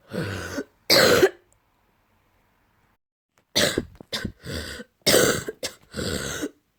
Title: A cough with some phlegm in the throat